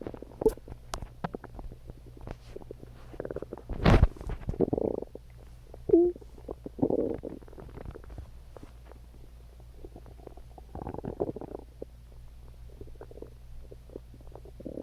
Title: Stomach Growling